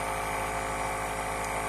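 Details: Nebulizer compressor running with a steady mechanical hum and buzz while a young girl receives nebulized medication through a wand attachment instead of a face mask.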